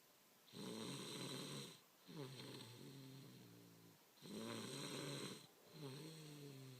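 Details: Loud rattling snores, about two breath cycles in seven seconds, with a vibrating inhale and softer groaning exhale; snoring.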